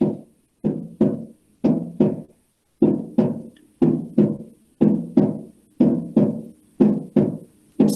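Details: Regular crisp heart sounds near 58 a minute with a split second heart sound, its pulmonary and aortic components heard separately; physiological split second heart sound.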